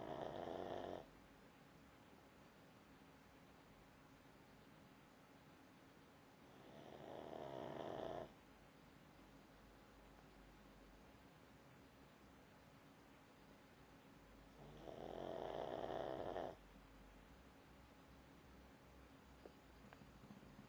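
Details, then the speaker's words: Pug dog, a flat-faced breed, snoring loudly as usual while asleep: slow, even snores about every 7 seconds, each a drawn-out rumbling breath with quiet between; snoring. "You're snoring. You're snoring. You're still snoring."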